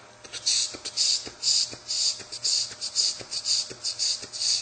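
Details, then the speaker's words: Vocal imitation of mitral stenosis for MRCP PACES exam teaching, to be told apart from a third heart sound with tachycardia: rhythmic clicks then hissing, rumbling mid-diastolic murmur bursts in a fast cycle. "you have to differentiate this from the mitosis where you get"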